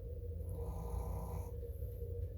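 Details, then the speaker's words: 6-pound Chihuahua lying asleep on a pillow, snoring; snoring. "That's seriously, that's my 6-pound chihuahua snoring. She's literally laying on the pillow just sawing, what is it called? Sawing wood?"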